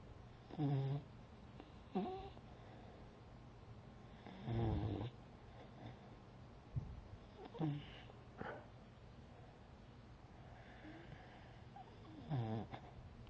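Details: Beagle sleeping on the back of a chair: low, rattling snores with each breath, about 15 breaths per minute, with some whistling nasal sounds.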